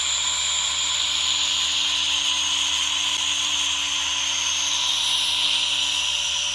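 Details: Steady airy hiss with a faint constant hum and no breaks: a nebulizer running alongside a softly misting humidifier, recorded as relaxation ASMR.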